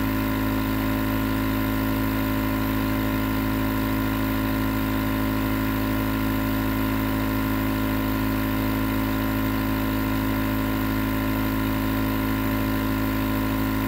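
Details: Continuous nebulizer compressor running, recorded as white noise for sleep: steady, loud droning hum with a constant hiss, unchanging throughout.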